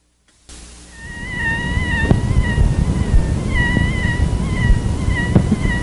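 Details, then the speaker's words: Bronchial leak squeak recorded without a stethoscope directly over a bronchopleural cutaneous fistula during sustained Valsalva: high-pitched wavering squeak over low rumble; pitch is higher in smaller fistulas. "the squeak is a high-pitched sound over the affected chest area during a sustained valsalva maneuver the pitch being higher in smaller fistulas than in larger fistulas"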